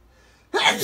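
A quiet pause, then a sudden loud, hissing burst of air: a single sneeze.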